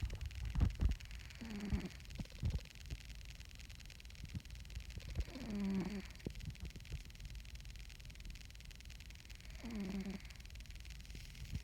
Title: Big Osk. Snoring Cat